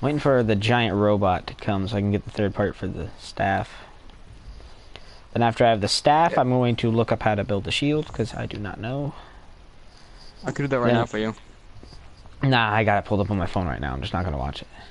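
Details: Adult male speaker; ordinary speech.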